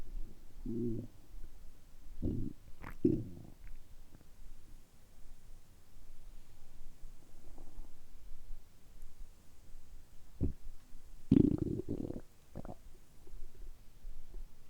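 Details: Stomach rumbling after about a 12–13 hour light fast and after drinking carbonated water on an empty stomach: low gurgles and rumbles at irregular intervals; ordinary bowel sounds.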